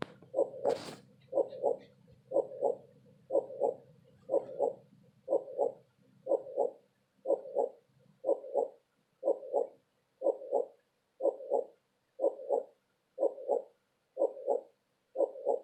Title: Heartbeat sound with color changing cloud to fall asleep